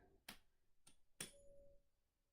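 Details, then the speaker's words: Weber hearing test: three sharp taps, then the steady hum of a struck tuning fork; the patient reports hearing it equally on both sides. "I'm gonna hit this and you tell me if you can hear it on both sides equally okay yeah same on both sides"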